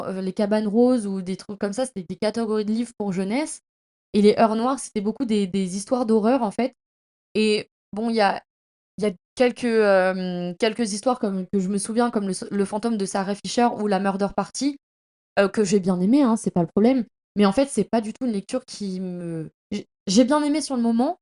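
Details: Woman who stutters, saying she stutters a lot at present because of heavy fatigue, with word repetitions heard; stuttering.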